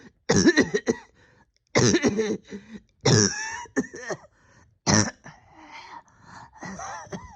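Repeated harsh, rough coughs in uneven bouts with throat clearing between them, about five bursts in seven seconds: a persistent cough.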